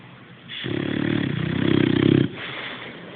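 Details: Sleeping boxer dog: one long, rough, fluttering snore drawn in on a single breath, with quieter breathing before and after; snoring.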